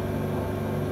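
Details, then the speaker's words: Electric suction machine (aspirator) for clearing airway secretions, switched on and tested while the suction rate is adjusted to 200 then 300: steady low motor hum and drone. "okay now let us turn it on and see now his plot and we turn it on as you can see this is the pipe let me test it the suction rates"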